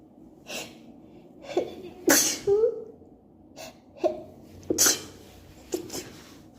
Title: ALLERGY SNEEZE ATTACK #allergies #cantstopsneezing